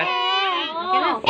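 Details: Infant crying: a brief, loud, high-pitched wail, cut off at the end, as in pain.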